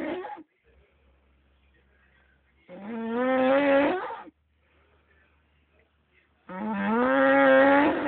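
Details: Loud, groaning, voiced snores about every four seconds (roughly 15 breaths a minute) with quiet gaps, from a man said to keep everyone awake when he drinks; heavy snoring.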